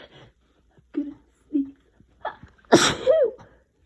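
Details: Person with a cold: a few catching breaths build up to one loud sneeze, then a brief voiced sound.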